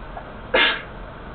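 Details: Second sneeze of the day: a single short, sharp burst of air with a hissing, explosive quality, a brief sneeze against faint room noise.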